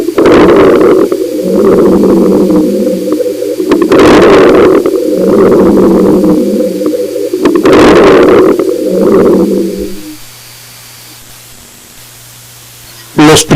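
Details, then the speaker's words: Lung auscultation, three breath cycles: brief, fine crackling clicks equal in intensity and duration, like crackling salt or hair rubbed between fingers, at the end of each inspiration, then quiet and handling noise; fine crackles (crepitant rales). "son ruidos breves finos iguales entre sí en intensidad y duración semejantes a la sal que crepita o al ruido que se produce al frotar los cabellos entre los dedos"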